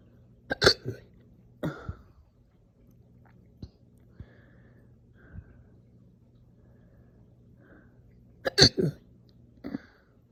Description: Some slow but super aggressive hiccup burps after breakfast this morning. These hurt so bad.